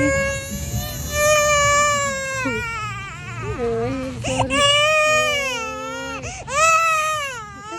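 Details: Infant crying during ear piercing: loud, sustained wails rising and falling with brief catches of breath.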